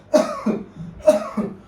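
Two paired cough bursts, each a sharp cough followed by a second, slightly voiced one.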